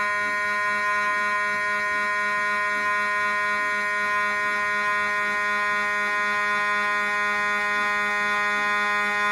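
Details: MRI scanner noise recorded inside the scan room of a GE Healthcare 1.5T or 3T system: a loud, steady electronic buzzing tone with a hard, alarm-like quality during a scan sequence.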